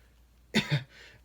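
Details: Adult male in a quiet room between deliberately induced sneezes: a brief double rasping burst from the throat, throat clearing.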